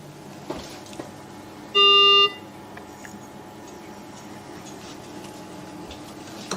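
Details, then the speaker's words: One loud half-second electronic beep over steady machine hum: a mechanical ventilator alarm sounding on a patient ventilator during COVID-19 pandemic ventilator training for doctors and nurses. "so you are you can hear some alarms coming up I will explain them there are two way two waves running along"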